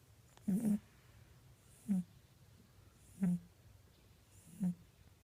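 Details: Sleeping pet rabbit, a lazy, frequent sleeper that occasionally snores: four short, soft snorting breath sounds at steady intervals, about 44 per minute; snoring.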